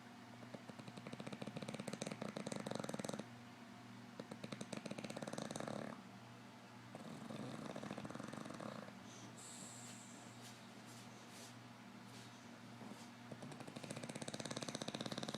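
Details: A 5-year-old English bulldog snoring while asleep: loud, rattling, snorting breaths in long cycles with a low buzzing tone; heavy snoring from a flat-faced dog.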